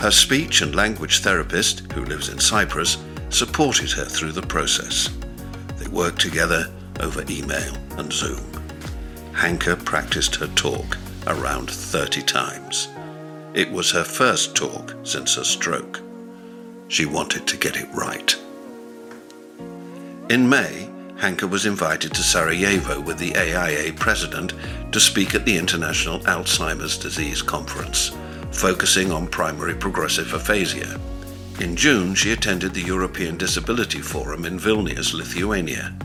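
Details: Adult narrator with background music; normal fluent speech.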